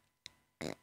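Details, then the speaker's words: Imitated stifled sneeze: a faint click, then a brief muffled burst held in rather than let out, demonstrating how an older man (the speaker's late father) suppressed sneezes, which looked very painful. "You were taught to stifle your sneeze. I do not know how he didn't blow an eyeball out. His sneeze it's would the be, worst thing for you. He'd do the suck up where you go,"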